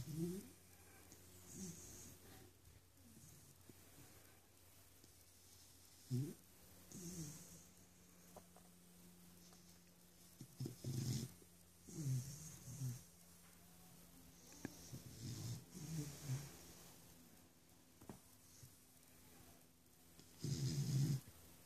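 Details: Sleeping dog moving its legs ("dancing") while snoring: soft, irregular low snorts and rumbling breaths, about eight in twenty seconds, over quiet room noise.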